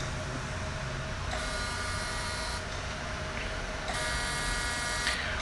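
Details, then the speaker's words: CO2 fractional laser treating the full face of a patient wearing safety goggles, creating micro-injuries for open pores, skin tightening and acne scars; steady machine hum with two roughly one-second high buzzing bursts: laser operating. "तो ये अभी laser से injury create कर रहे हैं, micro injury create कर रहे हैं, और ये सेफ्टी गॉगल लगाए हुए क्योंकि आई प्रोटेक्ट करना पड़ता है इसमें, और ये फुल फेस पे दे रहे हैं।"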